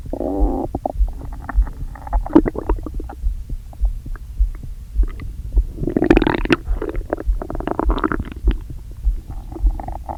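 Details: Continuous low gurgling and rumbling with bubbling bursts, recorded by microphone right after eating brunch too quickly following a long fast, with an upset, aching stomach; borborygmi.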